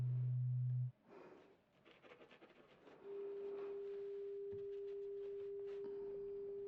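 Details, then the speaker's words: Simulated pure tone audiometry in an ASMR hearing-test role-play, tones played to different ears through headphones while the listener raises a hand or says right or left: a low steady tone, a pause with soft rustling, then a higher tone held several seconds. "I would like for you to raise your hand on whichever side you hear the tone in okay just anytime you hear a tone whichever side you hear s your hand on that side okay"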